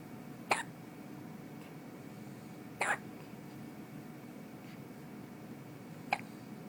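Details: Three brief, sharp catching sounds a couple of seconds apart over quiet room noise from a baby boy; infant hiccups.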